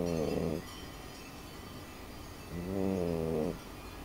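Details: Female pet snoring while asleep: two slow, drawn-out buzzing breaths with a quiet pause between them.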